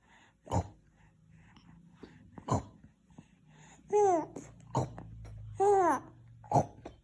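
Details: 4-month-old baby with hiccups: sharp gulping jerks about every two seconds, mixed with happy cooing and squeals.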